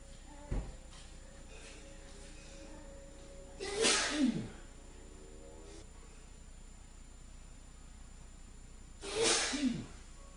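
Two forceful sneezes about five seconds apart, each a sharp burst of air with a short voiced end, against steady room hum.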